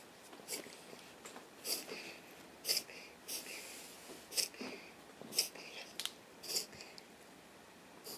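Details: Dog that began having reverse sneezing attacks after recent boarding makes a rapid series of short, hissing snorts, about eight in eight seconds: a reverse sneezing episode.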